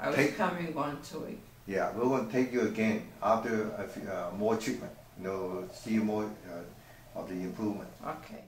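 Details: Adult male clinician speaking; unaffected speech.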